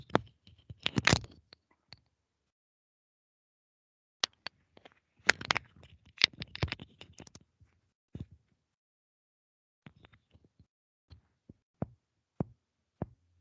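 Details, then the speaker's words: Softer hollow taps from self-percussion over the lung, upper chest, demonstrated live in a semiology class after the abdomen, heard softer than tympany; normal resonant percussion note "Sí, se escuchaba más suavecito. Ese es el resonante, ese era mi pulmón."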